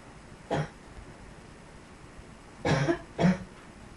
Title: Yet Another Cough